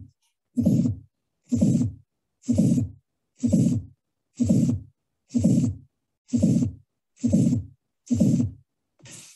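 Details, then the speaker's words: Teaching recording: regular heartbeat near 63 per minute, clear S1 and S2 with a very brief soft systolic blow, not harsh or blowing; innocent systolic murmur. "this is an innocent murmur i'm going to play this again you can clearly differentiate s1 and s2 and this very brief blow in the bit in pretty brief not like blowing or harsh"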